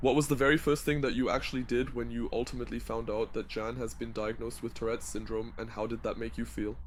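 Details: Adult male speaker; no disorder.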